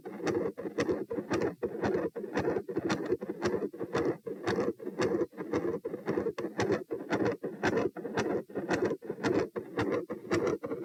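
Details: Heart sounds recorded at position P: a continuous machinery murmur gradually appearing, with some electrical disturbance.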